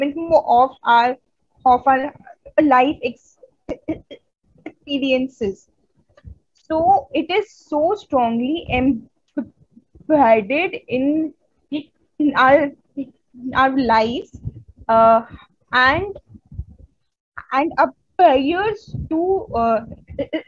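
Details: Woman who stutters, a member of an Indian stammering self-help association, speaking at a stuttering conference; stuttering.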